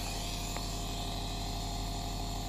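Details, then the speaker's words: Compressed air nebulizer, electric and mains-powered, switched on: loud, steady, buzzing motor drone, noisy enough to frighten young children. "अंदर से list किया हुआ निकला शुरू हो जाता है कि आपके घर किया कि जैसे ही मुस्लिम को ऑन किया है एकदम अच्छा खासा शून्य पैदा होता है और गुस्से में इशारा होता है और साथ मशीन से भी शोर पैदा"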